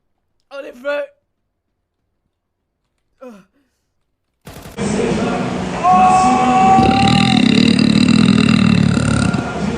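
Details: Girl burping: two short croaky belches, then a long, loud, drawn-out burp against room noise and laughter.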